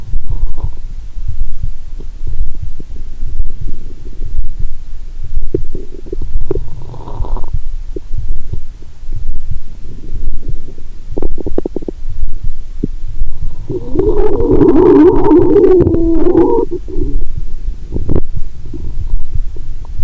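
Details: Bowel sounds heard through a stethoscope while lying down, stomach swollen after drinking cola and swallowing Mentos: low rumbling with a louder bubbling gurgle midway; active bowel sounds.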